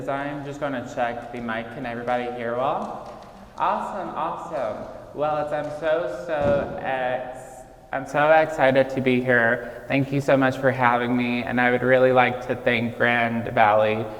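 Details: Childhood apraxia of speech in a 26-year-old man, diagnosed at age 5 and nonspeaking until age 5.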